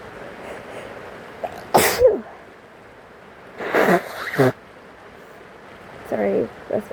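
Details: Three sharp sneezes in quick succession over soft rain, from a sick, sniffly person with a cold; repeated sneezing.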